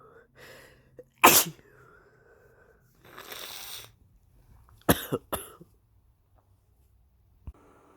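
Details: Adult male, very sick with suspected flu and exhausted: several forceful sneezes with breathy gasps and exhalations between them, including a quick double sneeze; repeated sneezing.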